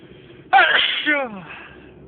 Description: This is a sneezing fit that I had and I thought that it didn't finish..enjoy